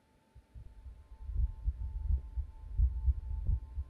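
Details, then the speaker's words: Adult man's heartbeat heard through a digital stethoscope in heart mode during a demonstration: regular low thumps at about 86 beats a minute, normal heart sounds. "मैं पियूष को बुलाना चाहूंगा आप यहां पे आके मेरी दिल की धड़कन सुनना चाहेंगे"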